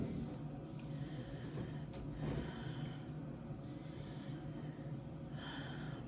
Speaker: for the third task breathe deeply through your mouth five times